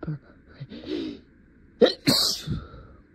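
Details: Simulated courtroom role-play, adult lawyer mid-argument: brief speech, then a sharp inhaled catch and an explosive, partly held-back sneeze, acted while trying to suppress it and stay professional; sneeze.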